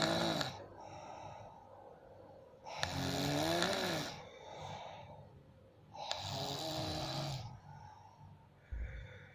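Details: Heavy snoring during sleep: loud, rough snores with snorting on each breath in, about every three to four seconds, with quieter breaths out between.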